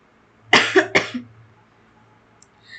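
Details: Two quick, fairly dry coughs in a quiet room with faint hum; speaker coughing repeatedly throughout, unwell with a sore throat and weak voice.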